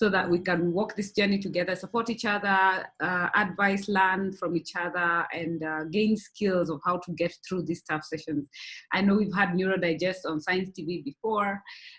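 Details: Adult woman speaking; normal speech.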